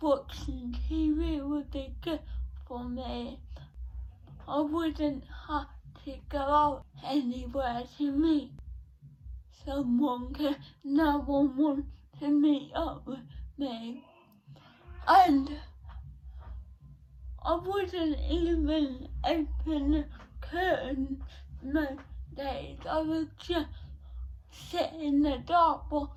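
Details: Dysarthria in a 17-year-old female with cerebral palsy present since birth, diagnosed at 14 months, affecting her speech; speech therapy from an early age.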